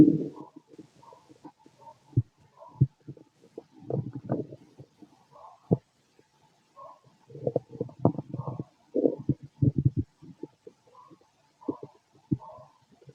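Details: Irregular gurgles, squeaks and soft rumbles in scattered bursts: active bowel sounds (stomach growling) from a fit adult male, heard through a stethoscope on the abdomen.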